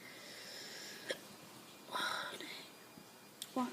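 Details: Recurrent hiccups, described as the third bout across recent videos and lasting over a minute: sharp, brief involuntary gulping sounds at irregular intervals over a quiet background.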